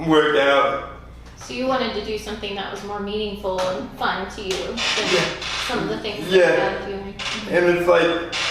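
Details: Adult speaker in conversation; typical speech.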